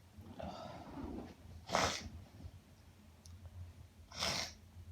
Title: Sniffles after Sneezing